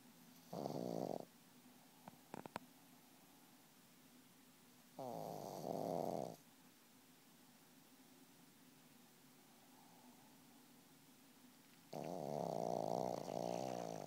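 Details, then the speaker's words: Sleeper snoring right into the listener's ear, heard very close: irregular buzzing, fluttering snores in separate bouts with quiet pauses between; snoring. "do you have to do that right in my ear? Huh? You gotta snore right in my ear?"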